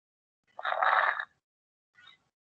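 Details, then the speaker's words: Grainy, rattling burst then a fainter shorter one at end of inspiration, like hair rubbed by the ear or crumpled paper or Velcro; crackles played in a teaching session. "y esto se va a escuchar al final de la inspiración porque trato de abrir el labio lo pero hace un esfuerzo tremendo y suena"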